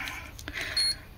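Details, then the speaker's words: Digital thermometer beep in a quiet small room: brief high electronic tone marking a finished reading of 36.6; the adult feels unwell with chills and leg pain, an earlier reading was 37.5, and she takes it as a low fever. "Ayan, tumunog na. O, diba? 36.6. So, ibig sabihin, may sinap nga ako."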